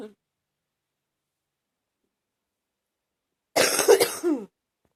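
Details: Adult wet productive cough: a single harsh, loose, chesty cough burst, from a coughing bout severe enough that the person nearly vomited by the end.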